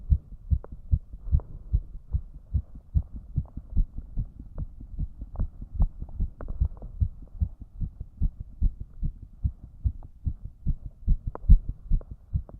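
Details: Male heart sound with rapid, regular low thumps at about 146–150 beats a minute after trying to raise the heart rate (it rose less than expected): fast heart sounds, tachycardia.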